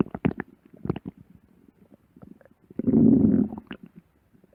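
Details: Stomach growling (borborygmi): irregular gurgles and clicks, then a longer low rumble near the end, from moving gut contents.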